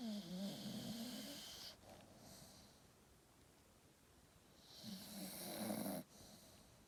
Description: Staffy dreaming and snoring